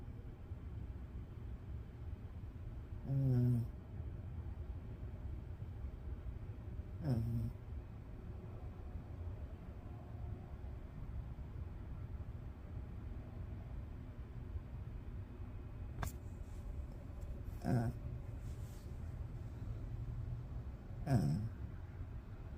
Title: Snoring dog.#dog #snoring #snoringdog #pet #animal